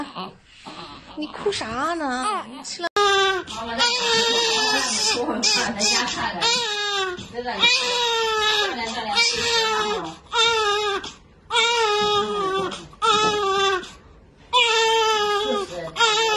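Loud, high-pitched, rhythmic bursts of crying with short pauses for breath; ordinary newborn crying.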